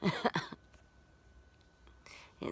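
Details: Adult clearing the throat at about 1 a.m. after a sneeze, recorded on a mobile phone: a short burst of harsh throat-clearing sounds, then quiet room noise and a faint breath.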